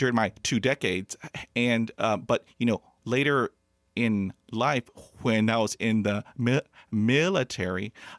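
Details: Stuttering in an adult man who has stuttered since childhood, has a mother who also stuttered, and hid his stutter for 35 years.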